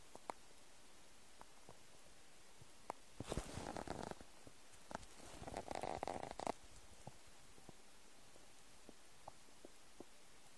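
Quiet room with scattered small clicks, then two gurgling, rumbling bursts of a few seconds each: ordinary stomach rumbling from an empty stomach.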